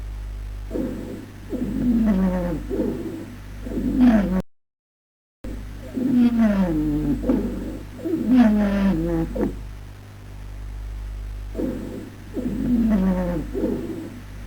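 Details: Wheezes heard in the chest.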